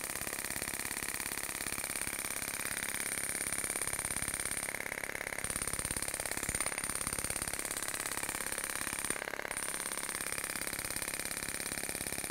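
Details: Radial shockwave therapy device with a Storz Medical Spine-Actor transmitter, used to treat paravertebral muscles, trigger points, muscular imbalance and pain: fast, steady mechanical tapping at about 200 pulses a minute over a background hum, firing during treatment.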